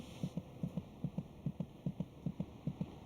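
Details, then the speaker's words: Rapid, regular paired thumps at about 150 beats a minute, roughly twice the mother's rate and felt as a vibration; normal fetal heartbeat. "The fetus's heart beats about twice as fast as the mother's. Monitoring the baby's heartbeat gives a good indication of his general condition."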